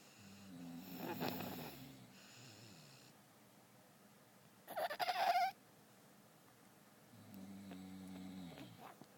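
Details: Baby snoring: soft rhythmic snoring on breaths in a quiet room, with a brief louder rustle between breaths; ordinary snoring.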